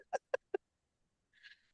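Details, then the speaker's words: Three short voiced coughs in quick succession from an adult who says she has bronchitis and sounds like a smoker when she coughs. "oh I sound like a smoker when I cough right now because I've got this fluff over bronchitis every time I cough I sound like my grandmother"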